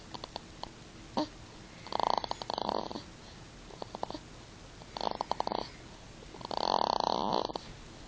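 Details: Person snoring: loud, rattling snores in regular bursts every two to three seconds with quieter breaths between, likened to V8 engine sounds.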